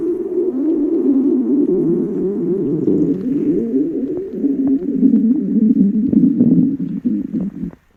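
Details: Hungry young woman's empty stomach growling: a long, loud, warbling low growl lasting several seconds, wavering in pitch before fading.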